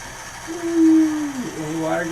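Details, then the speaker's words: Dental suction switched on in a child's mouth during a dental mouthpiece placement, after water was sprayed into the mouth: steady hiss with a wavering whine as it draws air. Normal equipment sound. "okay let's take this out i've been really big okay can you pop your lips like a kiss i'll turn the vacuum on"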